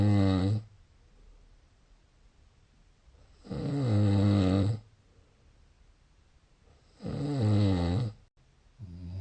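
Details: Snoring recorded 30 June: loud, low, rattling snores on each inward breath, about 16 a minute, with quiet pauses between.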